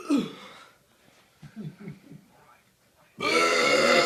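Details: Burping: a short belch, a few quiet throaty gulps, then a long loud belch.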